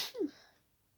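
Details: A single soft, muffled sneeze at night with a brief hiss then a quick voiced release, held back to stay quiet; stifled sneeze.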